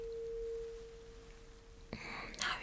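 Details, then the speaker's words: Simulated bedside hearing test in a roleplay cranial nerve exam: tuning fork placed on the bone behind the ear gives a steady pure ringing tone that slowly fades, then handling noise. "So I'm gonna use this tuning fork and I'm gonna put it right behind your ear on that bone. You can feel it. So you will have to tell me when the sound is gone."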